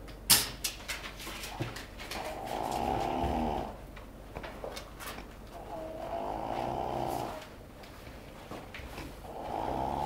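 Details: Snoring: a friend's very loud, rumbling, fluttering snores on long breaths, about one every three seconds, over room noise.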